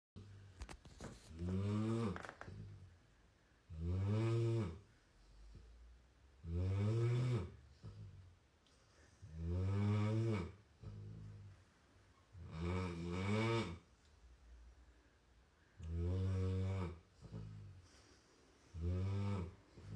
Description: This dog's chainsaw-like snore prevents anyone else from sleeping. The pooch's owner said: "Dog doesn't let anyone sleep with his snore."